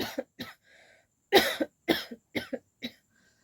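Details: Woman deliberately coughing on request with no current cold: six short, sharp coughs, some in pairs, each with a clean stop; a forced voluntary cough rather than an illness cough.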